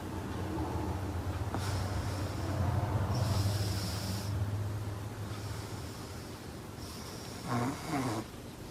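Loud, low, rumbling snores on each in-breath, about four breath cycles, ending with a snort; heavy snoring in sleep.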